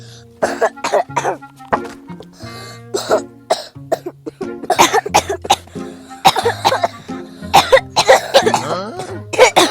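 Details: Several adults cough repeatedly in short, overlapping bursts, with some throat clearing, over background music. Acted group coughing for comedy, blamed on drinking iced drinks.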